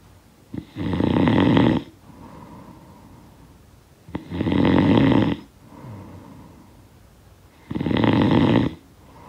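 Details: Snoring sound effect of a sleeper: three loud, rough inhaled snores with softer outbreaths between, about 20 breaths a minute; steady snoring.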